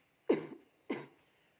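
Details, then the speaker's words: Person coughing at night with shortness of breath, being massaged to ease breathing; two short, harsh, dry-sounding coughs in quick succession in a quiet room; cough. "Assalamualaikum warahmatullahi wabarakatuh, guys. Malam-malam batuk."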